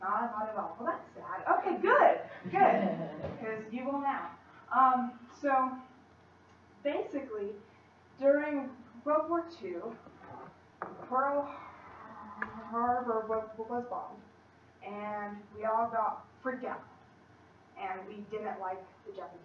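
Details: Female college student who stutters, in speech-language therapy with a fluency technique, giving a practice presentation to 10-15 people at her clinic; she stutters more before unfamiliar people or large audiences; stuttering.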